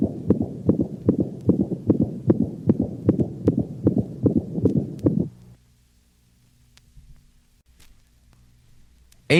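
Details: Dog: rapid regular heartbeat with high-frequency decrescendo diastolic murmur beginning with the second sound, played at slow speed then normal rate; aortic insufficiency.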